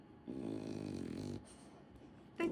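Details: French bulldog sound asleep, snoring: a loud, low, rattling snore lasting about a second, then a pause before the next snore.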